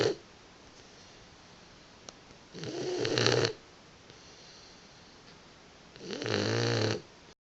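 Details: Boxer puppy napping, with rattling snores on each inspiration, about 18 per minute, over a steady background hiss; snoring.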